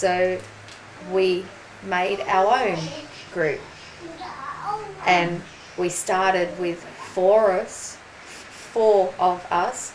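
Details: Aphasia in a 43-year-old woman after a ruptured brain aneurysm and stroke 4.5 years earlier; slower speech and word-finding difficulty; aphasia.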